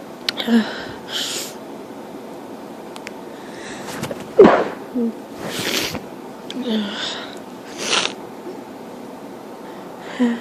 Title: Part 2 of grass pollen sneezes